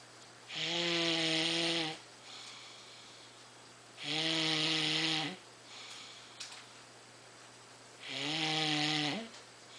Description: It's raining, it's pouring, the little guy is snoring! :-)